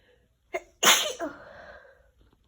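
A short inhaled catch, then one sharp, forceful sneeze with a trailing voiced tail: a single sneeze.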